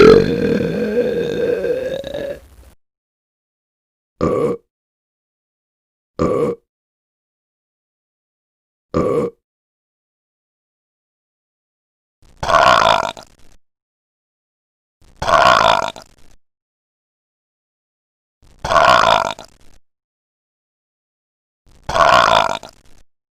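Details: Sound-effect recording of burping: one long burp, then seven short separate burps with silence between them.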